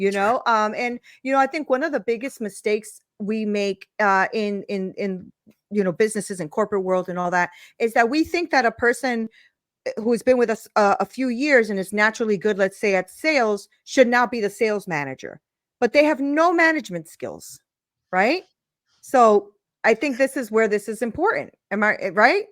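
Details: Adult woman speaking; ordinary speech.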